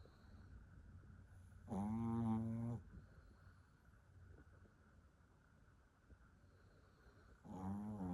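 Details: Sleeping dog, said to be very tired, snoring loudly: two buzzing, whistling snores about six seconds apart with quiet breathing between.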